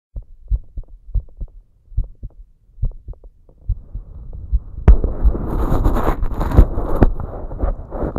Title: 少し早い心音 Male heart sound arround 150BPM